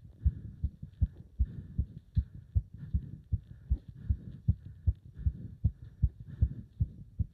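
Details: Heart sounds recorded during leg-wrench exercise, pounding felt even up to the subclavian artery: fast, strong, regular beats at roughly 150 per minute; exercise tachycardia.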